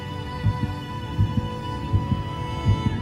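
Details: Regular paired low thumps at about 80 a minute over a sustained musical drone: a simulated heartbeat sound effect accompanying a segment on MRI imaging of a beating heart.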